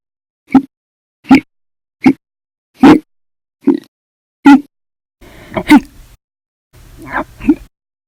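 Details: Violent, loud hiccups in an episode lasting 13 hours 32 minutes that began after meals and a cup of soda: eight sharp, abrupt voiced hiccups in about eight seconds, in quick succession with a gulping quality.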